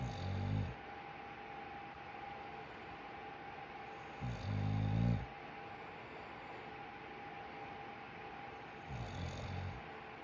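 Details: Snoring next to owner: three low, rumbling snores about four seconds apart, roughly 14 breaths a minute, over a steady background hum; snoring.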